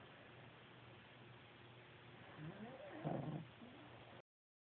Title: Dog sleeping on me and snoring.